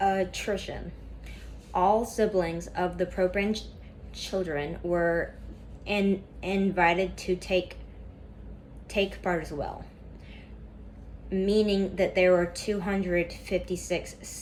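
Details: Stuttering in a woman reading a class PowerPoint presentation aloud; she describes a lot of tension at first that eases as the reading goes on.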